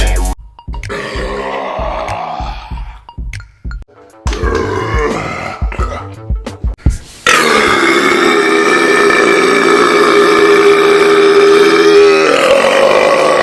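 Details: Long, drawn-out, rumbling burp from a burp compilation, over loud background music; burping.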